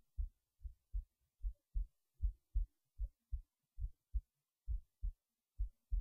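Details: Heartbeat recorded late at night while resting in bed before sleep, steady low thumping at about 75 beats a minute; normal resting heartbeat.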